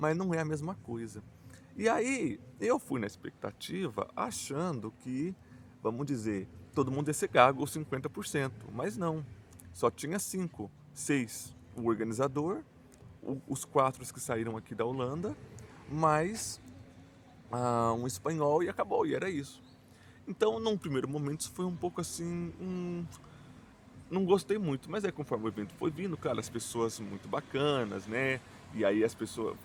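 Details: Portuguese-speaking adult who stutters, self-described as mostly blocks and silences with some repetitions; stuttering.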